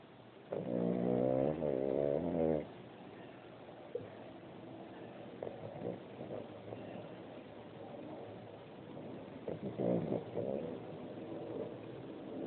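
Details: Boston Terrier sleeping with eyes open, a couple of vibrating, whiny snorts separated by quieter noisy breathing; snoring.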